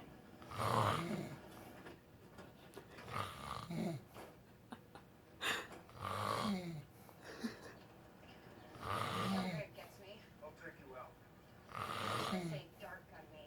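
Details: Sleeping adult man (boyfriend) with a "funky" snore: irregular snoring with groaning and fluttering sounds, roughly 20 breaths a minute, against faint room noise; snoring.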